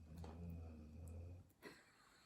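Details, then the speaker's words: Dog snoring: one long, low, rumbling breath followed by a brief soft snuffle. "I think he didn't hear that but anyway is actually snoring"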